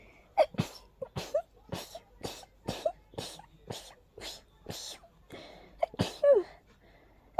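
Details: Person during an allergy attack, unusually intense with tornado-like nasal irritation: a rapid run of about ten sharp sneezes with short catch breaths between them; allergic sneezing fit.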